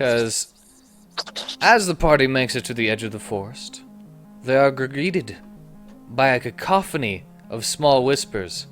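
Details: Adult man who says his stutter is really trying to come out today, apologizing for a word he stumbled on while narrating; stuttering.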